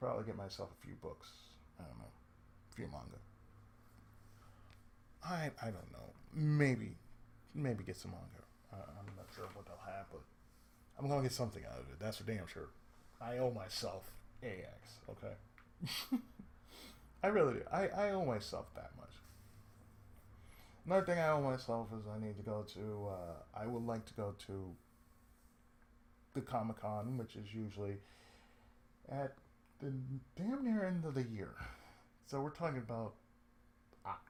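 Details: Adult man with cerebral palsy, a daily lifelong condition with speech problems since childhood; reports an occasional lisp, mid-sentence breaks and pauses, and a drawl; speech affected by cerebral palsy.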